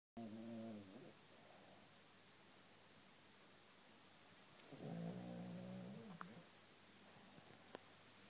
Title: SNORING DOG